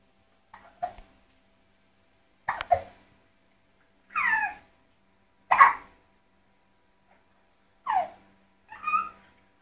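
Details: Hiccups: six short, abrupt gulping sounds spaced a second or two apart in a quiet room.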